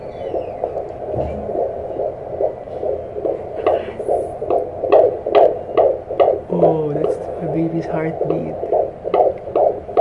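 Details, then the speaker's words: Fetal heartbeat on Doppler at 17 weeks of pregnancy during a prenatal checkup, 149 beats per minute; fast, regular whooshing pulses over a steady hum, described as strong. "Wow ang lakas ng heartbeat niya marinig niyo ba yun"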